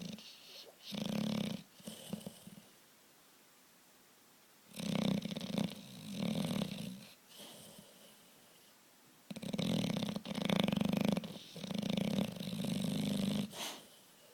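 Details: A sleeping big bulldog snoring: loud, rough, fluttering snores in groups, with quiet pauses between them.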